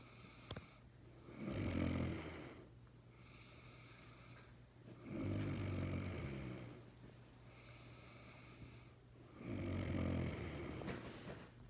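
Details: Adult man (the speaker's father) snoring in sleep, which he reportedly does every day.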